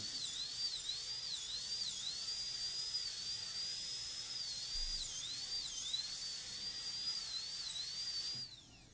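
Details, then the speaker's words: Dental drill cutting into the lingual embrasure during a PFM crown preparation of a maxillary canine on a typodont, switching burs to cut through the contact: continuous high-pitched whine rising and dipping with load, then stopping. "Now I'll go ahead and cut into the lingual embrasure. We'll switch burrs to cut through the possible contact here, but we'll try to make sure we keep a uniform chamfer and a uniform taper as much as we can."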